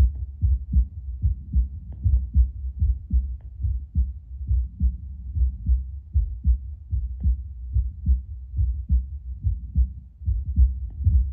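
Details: An adult's own heartbeat through a Bluetooth Littmann CORE stethoscope about two minutes after espresso. Steady, strong low beats at about 74 per minute; the rate is little changed but the beats are stronger. Normal heart sounds.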